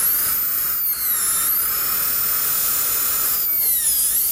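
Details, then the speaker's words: Steady high-pitched dental drill whine, pitch dipping as a 170L carbide bur refines the lingual surface and cuts pinhole recesses on maxillary right central incisor/cuspid abutments for a 3-unit anterior bridge. "now we're going to take a 170 L carbide and refine our legislate lee and place some recesses where we're going to drill our pin holes open that's a common scenario"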